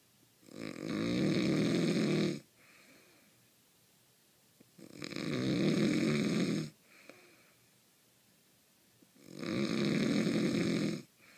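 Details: Real snorer said to sound like a cartoon: three loud, rasping snore bursts about every four seconds with quiet gaps between, possibly a cartoon sound-effect snore; snoring.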